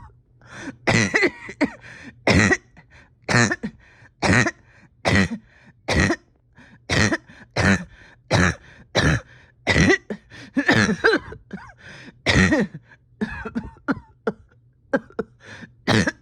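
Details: About twenty harsh, strained single coughs over sixteen seconds with throat-clearing: a painful persistent cough in a patient with a tight chest whose oxygen levels are holding steady.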